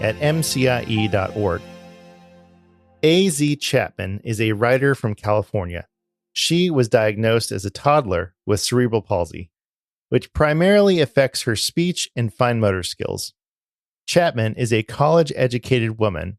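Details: Adult narrator; typical speech.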